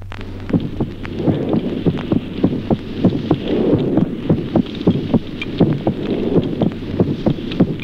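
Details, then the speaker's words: Normal heart sounds in a child, regular paired beats whose spacing shifts slightly with breathing: simultaneous respiratory sinus arrhythmia, a normal finding. "ejemplo segundo signos auscultatorios normales en el niño arritmia respiratoria simultánea"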